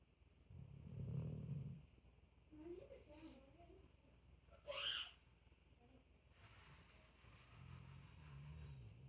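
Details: A sleeping pet snoring: soft, low rumbling snores at about 16 breaths a minute, with a brief higher squeak between them.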